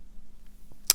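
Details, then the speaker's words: Single sharp elbow joint crack during a tricep stretch, heard at the end of a quiet stretch; harmless crack in an adult who reports weak triceps and shoulders with low muscle mass. "Oh, that was my elbow. Did you hear that crack?"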